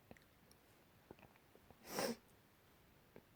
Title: Last week sneezes